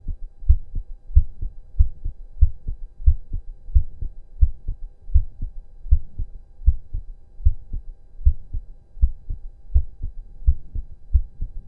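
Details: Male's very fast, pounding heartbeat with strong regular low thumps and heavy breathing during about 15 minutes of intense cardio, rate said to be close to 200 bpm: exercise-induced tachycardia.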